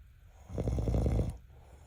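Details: A single low, fluttering snore under a second long, with rapid vibration as breath passes over relaxed throat tissue; snoring.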